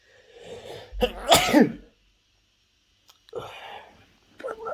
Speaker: опять чихательный Челлендж 700 раз как обычно